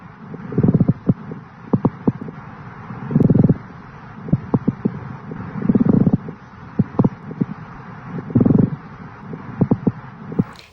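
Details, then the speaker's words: Breath sounds with dry, creaking, grating bursts on each breath, described as a continuous dry grating sound: pleural friction rub from inflamed pleura, heard on chest auscultation. "A pleural friction rub is a continuous dry grating sound."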